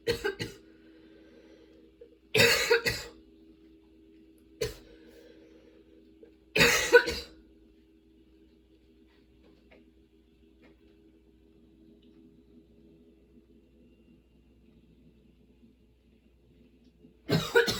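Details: Sudden-onset, nonstop, worsening coughing fit bringing tears and frequent position changes: repeated harsh cough bursts, some in quick doublets, separated by pauses over a steady low hum; a prolonged coughing fit.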